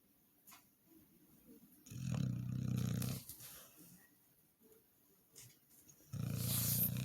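A few deep, rumbling snorts on breathing in, spaced unevenly, with soft snuffling between; a dog snoring in its sleep.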